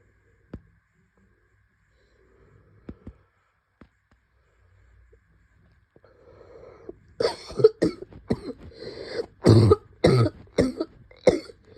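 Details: Cough in an adult with COVID-19: about eight short, harsh cough bursts in a rapid run after a quiet start.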